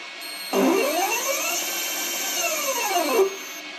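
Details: MPS Medical Pharm/Pump II, a microprocessor-controlled quadruple-rotor peristaltic pump, filling a syringe, bag or bottle for pharmacy IV admixture: a motor starts, whines up in pitch, holds steady, then winds down and stops; peristaltic pump running.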